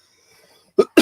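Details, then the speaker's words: Adult coughing fit while talking: near-silence, then two short, sharp cough bursts. "Sorry, I'm having such a coughing fit."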